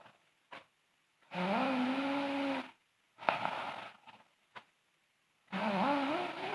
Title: Sleeping Girl Loud Snoring (FGF) Part 3